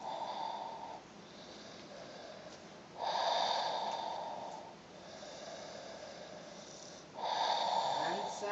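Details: Snoring likened to Darth Vader: loud rasping snores alternating with quieter breathing, about 14 breaths a minute.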